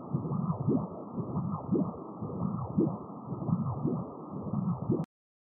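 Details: Kosmos ultrasound Auto Doppler (PW/TDI) with AI-placed sample gate interrogating a heart valve: rhythmic whooshing pulses at about 57 a minute, the Doppler sound of blood flow through the valve.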